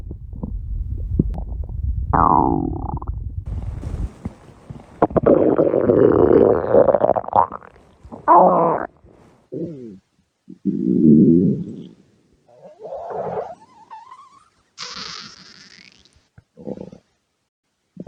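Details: Red panda at feeding time gives irregular gurgling rumbles and squeaky gut noises in bursts with pauses; normal stomach growling (borborygmi).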